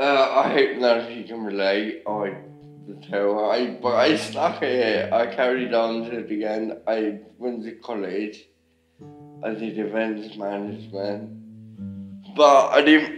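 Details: Ataxic dysarthria in a man with ataxia, a rare degenerative cerebellar disease affecting speech, muscle control, walking and swallowing; symptoms began about 2–2.5 years earlier, diagnosed by MRI, father also affected.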